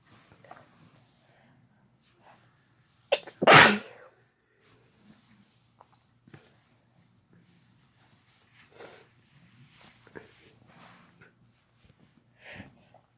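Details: Sneezing, no talking, from a female and male recording: one loud explosive ordinary sneeze after a short catch of breath, then faint rustling and breathing.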